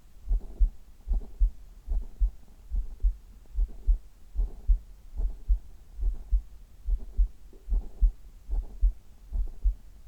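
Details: Steady paired low thumps, about 73 beats a minute, over a faint hum, heard from the chest in an ASMR recording: a normal heartbeat.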